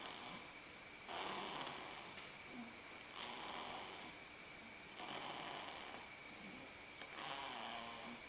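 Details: Soft, breathy, rhythmic sleep-breathing about every two seconds under steady room noise; light snoring while asleep on father's lap.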